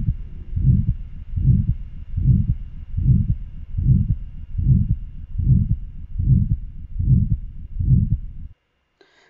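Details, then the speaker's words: Regular heartbeat near 75 a minute with a whooshing murmur filling systole between S1 and S2, ending at S2, then silence before the next beat; systolic murmur. "se fijan como el soplo está justo entre el s1 y el s2 cuando sea el s2 se acaba el soplo tenemos el silencio y cuando vuelve a empezar la sístole marcada por el s1 se presenta nuevamente el soplo"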